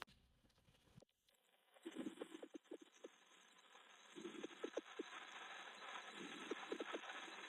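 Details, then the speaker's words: Coarse crackles: breath sounds with loud, low-pitched bubbling, popping or gurgling crackles through each breath, like air moving through fluid secretions or mucus. "Coarse crackles are loud, low-pitched gurgling or bubbling sounds. Think of air moving through fluid secretions or mucus."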